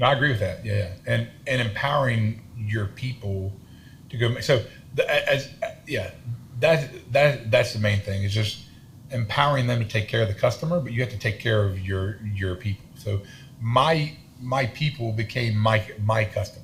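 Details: Adult man with a self-reported stutter and lisp, in speech therapy his whole life; stuttering.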